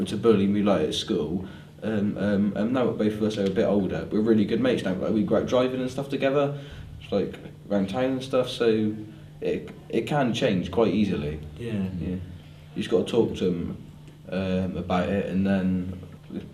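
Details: Young person who stammers, speech with filler repetitions; stammering.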